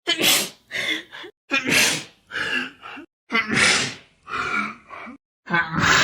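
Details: The same loud, explosive sneeze from a woman, clipped from a makeup video and replayed about four times at high and low speed, each a sharp airy burst with a short voiced tail.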